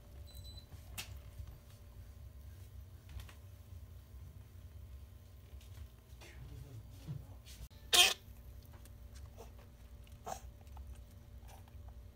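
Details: Female toy poodle puppy, 61 days old, vet-diagnosed with contagious bronchitis (kennel cough), with coughing, sneezing, retching and vomiting: a few brief, sharp coughs or sneezes against a quiet room; improved with medication.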